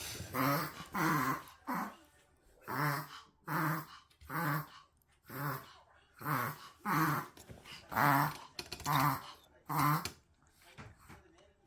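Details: Dog reverse sneezing: a rapid run of loud, honking, snorting breaths in. It is said to happen more easily after excitement or in dogs with long tongues.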